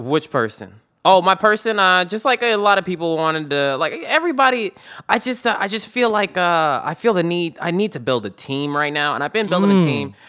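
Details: Adult speaker; Normal conversational speech.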